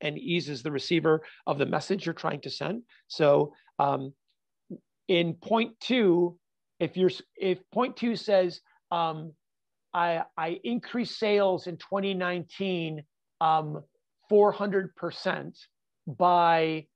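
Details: Adult man with stuttering (fluency disorder) since childhood, still stuttering all the time, not only when nervous; real.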